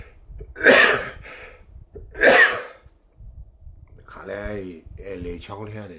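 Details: Two sharp, explosive coughs about a second and a half apart, followed by soft voiced sounds, from a man with a cold, runny nose and nosebleed who is also sniffling and blowing his nose.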